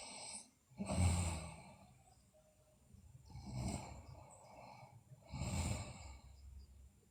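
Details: Sleeping girl, also noted to have bruxism and sleep delirium: repeated breathy, rattling snores with each breath, about 25 per minute, softer toward the end; snoring during sleep.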